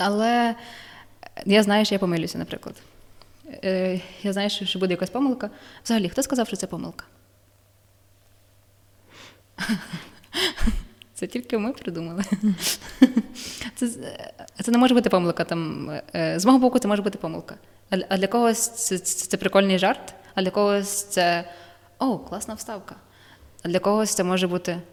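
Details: Young adult woman with stuttering, describing her own lived experience and the methods that help her; psychotherapy, breathing techniques and work with shame are discussed; stuttering.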